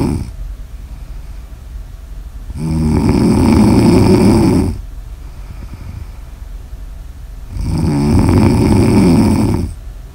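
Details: Two long, loud, low rattling snores on inhalation separated by quiet exhalation, about six breaths a minute; ordinary snoring recorded for ASMR.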